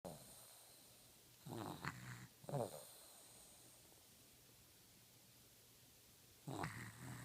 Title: Sick and snoring...